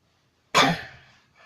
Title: HUGE COUGH ATTACK!!!!!